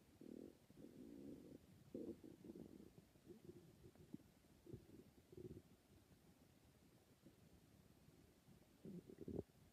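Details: Bowel sounds (stomach growling).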